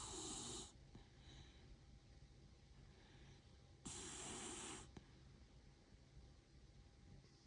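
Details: Cavapoo puppy snoring while sleeping snugly.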